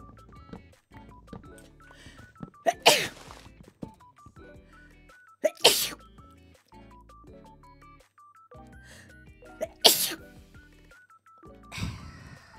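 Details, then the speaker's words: Repeated sharp, explosive sneezes ("sneezed again") during a stream, over background music and game interface beeps; sneezing. "またくしゃみした"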